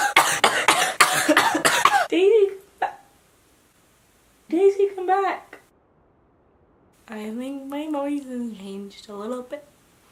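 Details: Person who is sick with an acute illness: a run of several quick, harsh cough bursts, then brief speech with slightly altered voice; cough.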